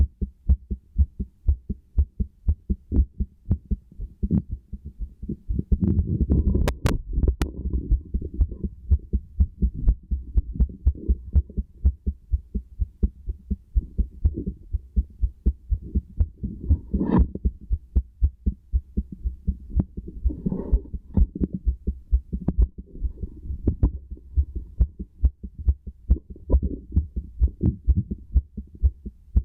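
Steady, regular low thumping heartbeat through a stethoscope, with brief rubbing noises from the chest piece.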